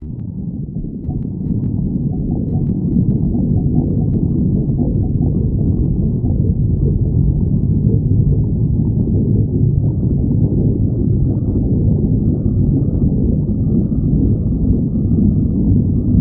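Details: Continuous low rumbling and gurgling from the belly: ordinary stomach growling (borborygmi).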